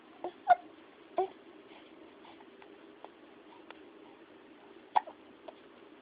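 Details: Baby with infant hiccups: several small, sharp, irregularly spaced catches in quiet room noise, a common harmless finding in babies.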